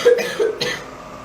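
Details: A girl's cough: a short run of two or three quick coughs.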